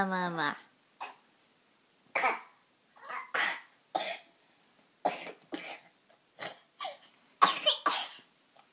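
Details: Cough.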